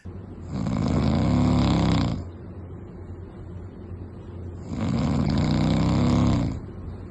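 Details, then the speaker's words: Two loud, rattling inspiratory snores about four seconds apart from a 30-year-old man with night-time choking (sleep apnoea), with fragmented, unrefreshing sleep and poor concentration. "ويعني يعني يتندرون بان هو يشخر في سهراتهم و قعداتهم"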